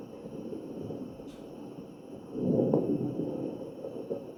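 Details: Machine-delivered breaths with scattered brief popping crackles over a low rustle: crackles in a ventilated patient.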